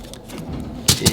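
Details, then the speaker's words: Newborn boy's first doctor's visit: soft handling, then two sharp plastic clicks as a cord clamp remover snaps open the umbilical cord clamp for removal. "so this just goes in this little hole right here like so and then I pinch it and it goes clip"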